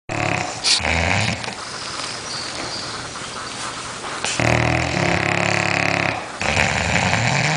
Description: Two snoring bulldogs videos. Sweet animal videos.